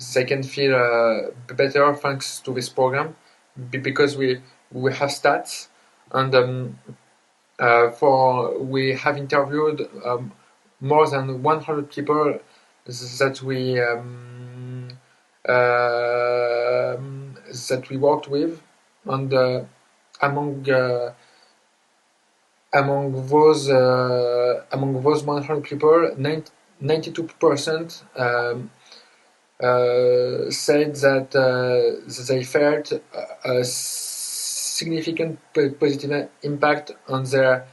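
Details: Adult man who grew up with severe stuttering alongside dysgraphia, dyspraxia and ADHD; word repetitions and hesitations while speaking English: stuttering.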